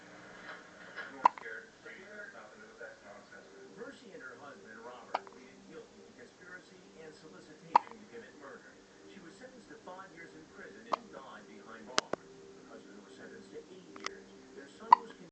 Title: cutest baby. hiccups and poopin at the same time